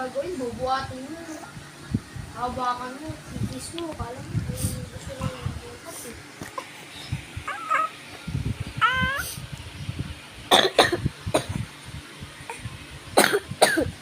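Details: An infant boy whimpers and fusses, then gives several short, harsh coughs in quick succession: a severe cough.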